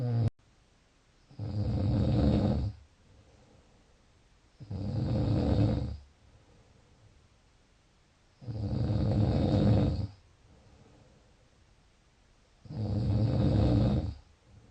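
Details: Snoring: four loud, rough snores at steady intervals, about 17 breaths a minute, with quiet pauses between; regular snoring.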